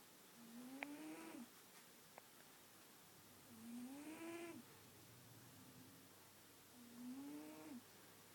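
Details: Sleeping cat: three whistling, tonal snores, about 20 a minute, with quiet room noise between them: snoring.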